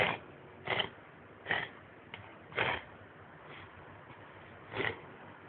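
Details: A dog having a reverse sneezing episode: repeated short, harsh snorting inhalations.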